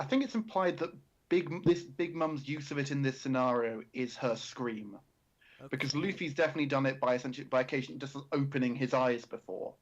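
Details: Adult male speaker; ordinary speech.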